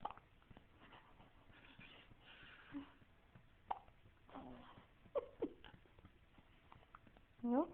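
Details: Faint, quick hiccup squeaks from a 2-week-old newborn a few seconds apart, while grandma helps with the hiccups. Quiet room sound and a short fussy cry.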